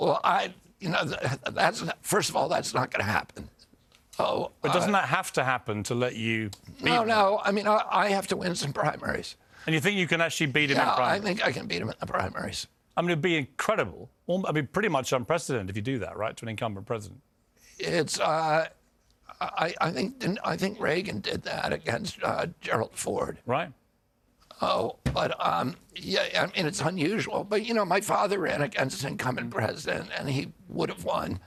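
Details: Adult man; onset at age 42 after a 1996 injury; nerve signals make his vocal cords tighten constantly, cords themselves uninjured; surgery in Kyoto about eight months earlier, now alternative therapies; spasmodic dysphonia.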